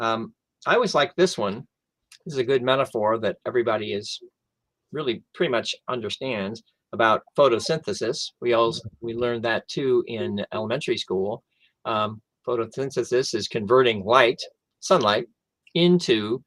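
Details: Adult stroke survivor who lost language after the stroke, now mostly expressive (Broca's) aphasia with some receptive difficulty; aphasia (mild expressive).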